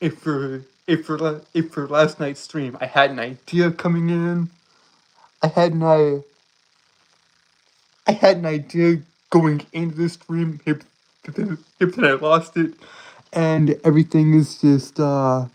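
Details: Stuttering in a male streamer with a self-reported speech impediment causing stuttering, tripping over and repeating words; this stretch has repeated words and phrases.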